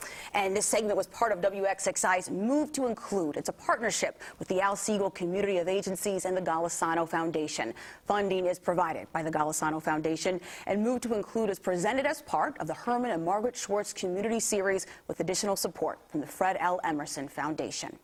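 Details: Adult woman; normal speech.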